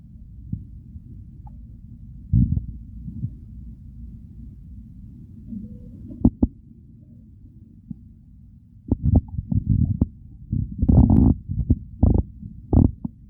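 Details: Hunger segment of a recording that follows the stomach from hunger to overfull and bloating: low rumbling gurgles with irregular louder bubbling and squelching, active bowel sounds (borborygmi).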